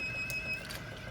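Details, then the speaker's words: High, thin whistling chirp over machine hum from a Belmont rapid infuser after the fluid line is clamped, warning that the fluid supply is about to run out; demonstration of the rapid infuser low-fluid alert. "so i've clamped this off you will hear a whistling or a little chirping all that is is they're trying to get in this one way"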